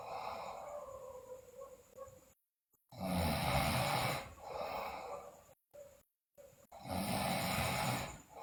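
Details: Loud, harsh breathing snores from a sleeping girl, with brief gaps and some hiss, about two long snores in eight seconds; heavy snoring, with bruxism and delirium noted.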